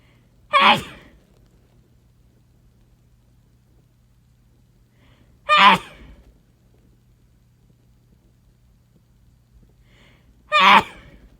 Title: Abrupt Sneezes